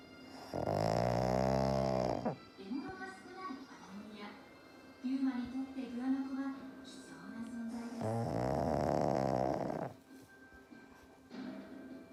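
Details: Black pug asleep on owner's lap: loud, buzzing, rattling snores with quieter snuffling between breaths, soft music in the background; snoring.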